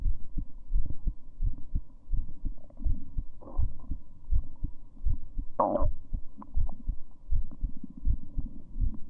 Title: Female heartbeat